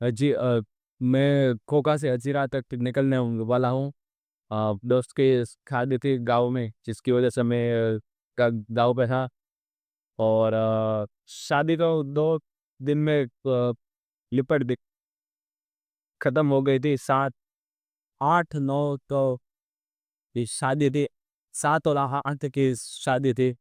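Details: Stuttering in an adult male on day 27 of a stammering-control programme, using pausing and pacing techniques; background-noise removal applied to the recording altered his voice.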